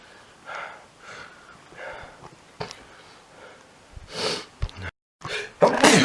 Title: short sneezes